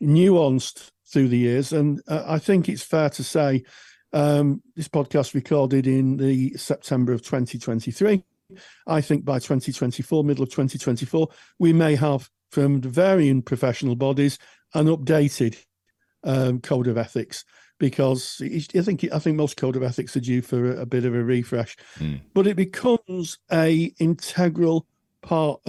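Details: Adult speaker; typical adult speech.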